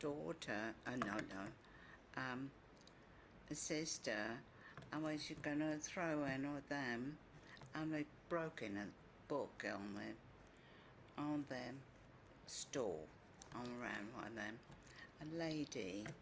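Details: Female patient with agrammatic primary progressive aphasia describing a picture; short agrammatic sentences with many fillers, articulation fairly preserved, agrammatism without an apraxic non-fluent component; agrammatic primary progressive aphasia.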